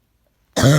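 After a brief silence, one abrupt, loud, harsh cough with a deep, hoarse, seal-like tone; a barking cough.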